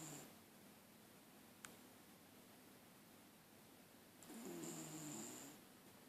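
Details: Low, rough, rattling snore from a sleeping, tired dog, heard once against quiet room hiss; ordinary dog snoring.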